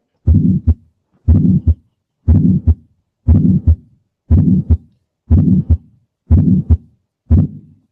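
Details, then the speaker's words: Regular heartbeat at 60 a minute with a long, loud systolic murmur filling the gap between sounds, long and loud rather than soft and early: pathologic systolic ejection murmur. "this would actually be pathologic"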